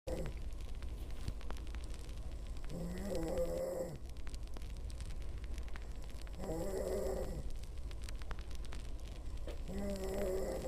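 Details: A girlfriend snoring during sleep: three slow, rattling, buzzing breaths in about ten seconds over a steady low hum.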